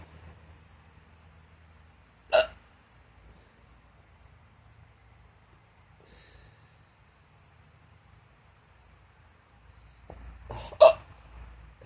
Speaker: I got hiccups God anyway that's all I had but I have hiccups right